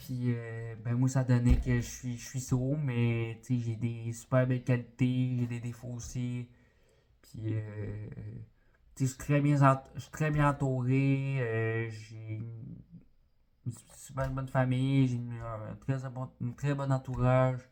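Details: 20-year-old man, born deaf, with a cochlear implant fitted at age 3 and developmental language disorder (dysphasia); some words are very hard for him to say, and he had speech therapy for articulation.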